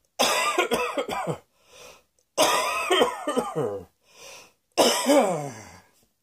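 Three bouts of several dry, harsh coughs, each followed by a quiet breath in; repeated coughing.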